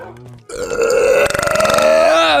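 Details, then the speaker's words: A deliberate, long, loud, voiced burp lasting about two seconds, with a rough fluttering middle stretch: burping. "sorry. Poor Kamadona. That was a nice burp."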